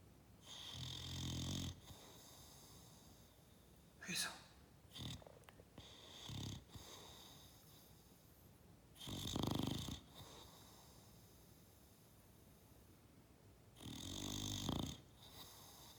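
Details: Bulldog napping and snoring loudly: three loud, rattling snores in sixteen seconds, with quiet breathing between them.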